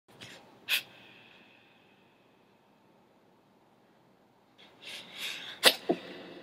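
Two sharp, hissing sneezes with a quiet gap between them, plus small breathy sounds around them.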